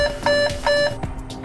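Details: Repeated short electronic beeps from the handpiece during HFDS (high frequency deep sclerotomy), an implant-free ab interno glaucoma procedure; the pedal is pressed while the tip is pushed forward to form each sclerotomy pocket.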